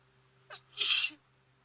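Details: A brief inward catch of breath, then one sharp hissing sneeze outdoors, in a person whose allergies were bothering them, with sniffling.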